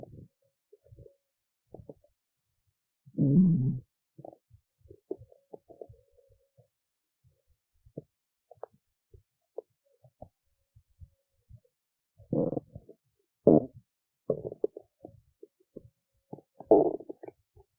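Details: Stomach rumbling after skipping lunch and feeling hungry: intermittent gurgles, pops and short rumbling bursts from the belly; normal borborygmi.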